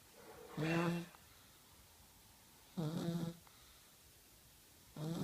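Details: 1-year-old child snoring while asleep at night: low, buzzing snores on each breath, about 27 a minute, with quiet pauses between them.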